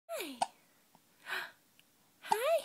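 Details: 5-week-old baby girl: small sharp hiccup clicks between soft baby vocal sounds in a quiet room; infant hiccups.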